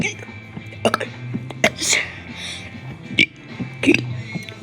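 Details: Deliberate voiced belches shaped into sung alphabet syllables over background music; burping while singing the alphabet.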